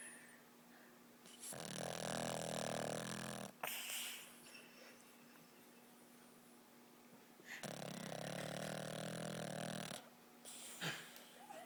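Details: Boston Terrier snoring and dreaming, sleeping hard: two long, loud, rattling snores several seconds apart, with quiet breathing between and a steady hum in the room.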